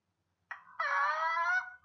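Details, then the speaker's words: Pertussis (whooping cough): a brief cough burst ending in a long, high-pitched crowing inspiratory whoop, likened to a rooster's crow at the end of the cough. "ايه اللي بيميز الووبنج كاف ده، بيميز الووبنج كاف انك بتلاقي صوت ايه، صوت زي صوت الديك في نهاية الكحة كده،"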